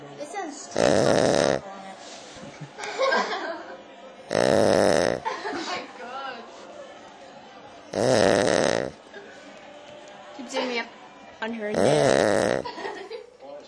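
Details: Four loud, rough snores about every 3.7 seconds (roughly 16 a minute), with quiet talk and room noise between them; snoring.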